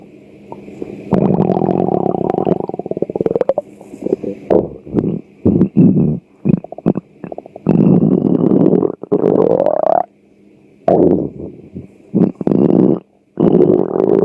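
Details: Hunger stomach growling: loud, long gurgling rumbles and bubbling bursts, some rising in pitch.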